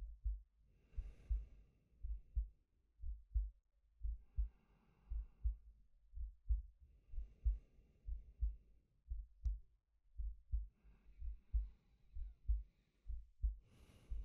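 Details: Soft regular low heartbeat, about 58 a minute, under slow audible breaths from a male, close-miked ASMR sleep-aid recording; normal resting heartbeat with breathing.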